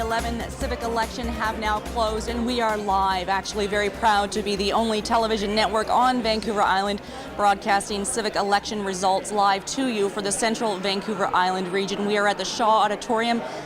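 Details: Adult woman; normal voice.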